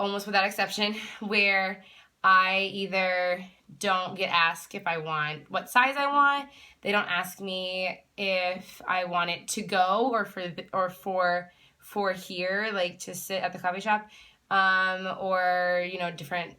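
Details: Adult woman who stutters, herself a speech-language pathologist; stuttering.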